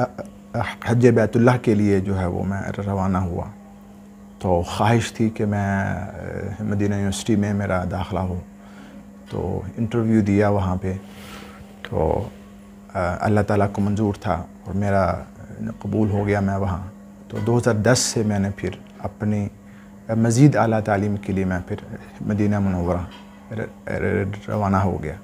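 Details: Adult man speaking Urdu, with a stammer since about age 12 that began while memorizing the Quran, previously treated by various doctors; speaks with difficulty in conversation but recites fluently; stuttering.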